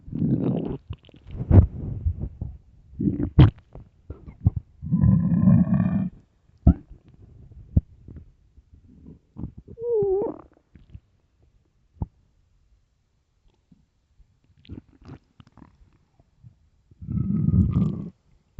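Irregular gurgles, low rumbles and short squeaky whines separated by quiet gaps; stomach growling, a normal bowel sound from an empty stomach.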